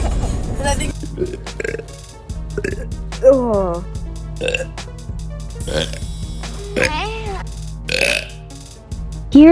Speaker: a video of my pretty girlfriend burping